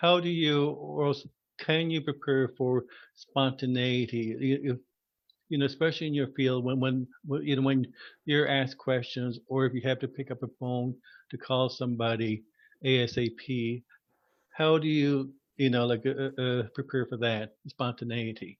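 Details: Adult man who stutters, formerly a covert stutterer, with repetitions and interjections; stuttering.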